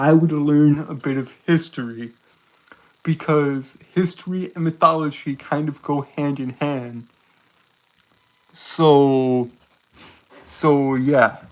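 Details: Male streamer with a self-described speech impediment that makes him stutter and trip over his words; stuttering.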